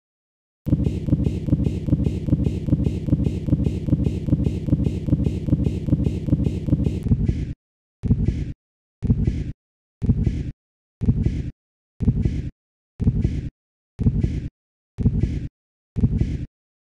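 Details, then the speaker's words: Fetal Doppler in occult umbilical cord prolapse with recurrent cord compression: deeper, more prolonged decelerations with uterine contractions, fetal bradycardia (prolonged deceleration) from impaired blood and oxygen flow, a risk for hypoxic ischemic encephalopathy. "recurrent impairment of blood and oxygen flow to the fetus may begin to have a greater physiological effect with deeper and more prolonged decelerations occurring with uterine contractions as shown here"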